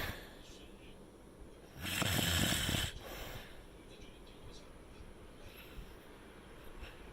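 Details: Sleeper using an anti-snoring natural latex pillow that reduced snoring only a little, with snoring returning through the night: one loud, rough, rattling snore on an in-breath, then quieter breathing; snoring.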